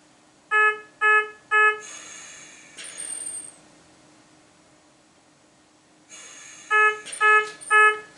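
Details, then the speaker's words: Ventilator low-priority yellow alarm with yellow banner: three short beeps, a pause, then three more, repeating and returning after reset if the problem persists. "we have a low priority yellow alarm which was going to sound like this and will come with a signal like that with a yellow banner indicating that something is something's amiss"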